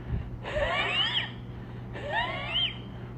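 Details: Imitated stridor, noisy breathing on every breath that mainly happens at night; described as frightening and needing urgent care, and contrasted with wheezing and congestion in children.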